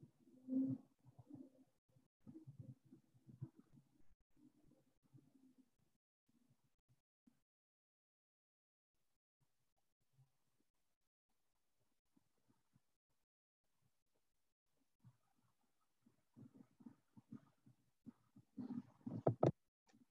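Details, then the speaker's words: Simulated mild conductive hearing loss: average adult speakers talking in a quiet environment sound faint and muffled, only low dull voice tones remaining. "here's again with a mild conductive hearing loss same speakers talking"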